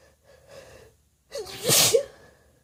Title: Desperate Wet Sneezes